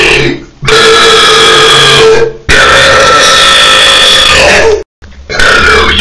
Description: Burping on the toilet, now this sounds loud / Boeren op het toilet, iets wat erg hard klinkt